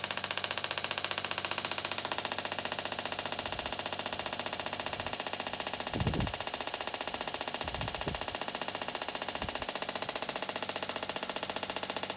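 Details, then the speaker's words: Rapid regular clicking pulses, about 128 a minute, with a faint hiss and low thuds: third ESWT shockwave session on a 13-year-old quarter horse mare, lame on and off for months, now much improved. "body's third shockwave therapy treatment. It's doing much better."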